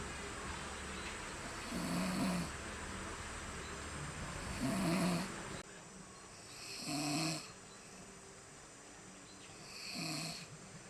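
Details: Adult man loudly snoring while sleeping as a baby monkey hugs him: loud, rough snores every few seconds, about four in eleven seconds, against steady room noise.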